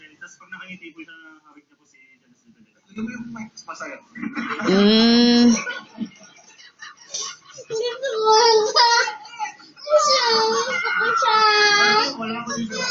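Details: Infant crying in rising wails, with adults talking in Filipino and television sound in the background.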